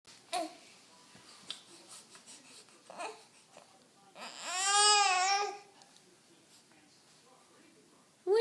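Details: An infant gives one short, high, fussy cry after quiet babbling; an ordinary baby cry.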